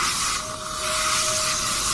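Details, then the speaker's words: Dental air-water syringe used by the assistant to clean bleeding margins of prepared central incisors 11 and 21 before rescanning for zirconia crowns: continuous loud spray hiss with a faint steady tone behind. "and there was bleeding in the margin area so I asked my assistants to use the area"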